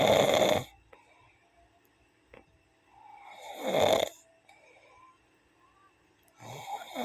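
Loud rattling snores with each breath in, about three in seven seconds, separated by quiet breathing; ordinary snoring.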